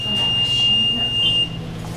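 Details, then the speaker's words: Animal under anesthesia during surgery at a veterinary clinic: breathing monitor gives a steady high-pitched beep with each breath, over room noise. "à chaque respiration c'est bien parler il va bipper comme ça"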